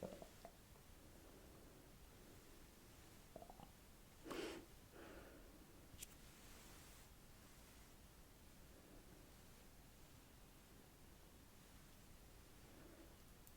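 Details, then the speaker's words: Adult's stomach rumbling during an ASMR roleplay cranial nerve examination. The speaker mentions it is time for a break and lunch will come afterwards. A brief gurgle in a quiet room, borborygmi from digestion or hunger. "I'm sorry, you can hear my stomach all the time."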